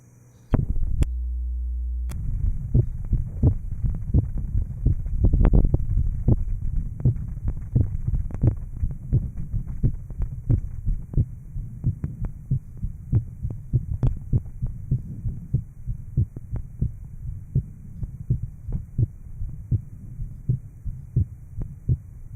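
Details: 1955 Johns Hopkins heart sound laboratory recording, likely aortic area: regular low heart sounds around 88 a minute after surgical repair of an atrial septal defect.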